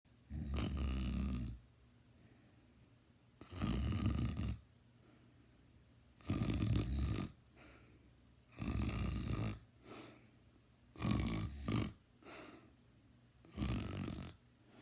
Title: Me snoring (LOUD)